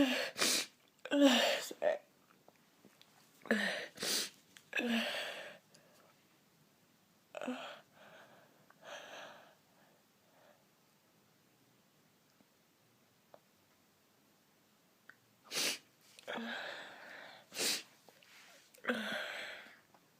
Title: induced sneezing not uploaded in a while x